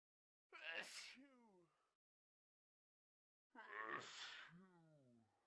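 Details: Two separate sneezes, each a sharp burst of air with a falling voiced tail, from a compilation of 25 different sneeze types in 54 seconds; sneezing.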